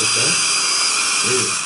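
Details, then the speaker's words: Steady high-pitched whirring of a surgical trephine drill cutting an autogenous bone core from jaw bone for ridge augmentation, running continuously in a small room. "Du coup, je vais pouvoir forer sans problème pour la carotte."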